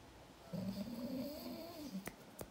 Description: Hubby’s soothing snoring puts our 4month old Seal Point Siamese Kitty Cat Fur Baby to bed ❣️